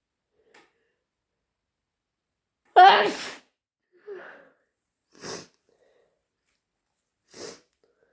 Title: Really intense induced sneezing fit